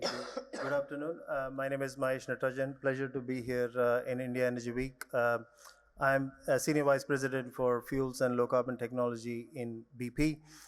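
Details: Adult male speaker; normal voice.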